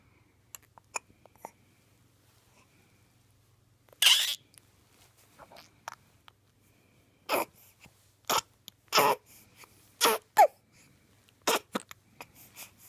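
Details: Baby making squeaks and hiccups: repeated short, abrupt hiccups with small squeaky sounds in a quiet room.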